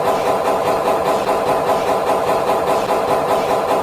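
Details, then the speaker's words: Loud continuous mechanical hammering with a steady pulsing beat from an MRI scanner during imaging; gradient coil pulses switching 3000–5000 times per second vibrate the coil, producing repeated loud thuds; MRI gradient coil noise. "लेकिन यह एक साथ bunch होकर coil को हिलाते हैं और जब यह कॉइल हिलता है तब वह लाउड मैकेनिकल थक करके साउंड आती है और जब यह प्रोसेस कंटीन्यूअसली रिपीट होता है तब हमें लगातार वो हैमरिंग वाली साउंड सुनाई देती है।"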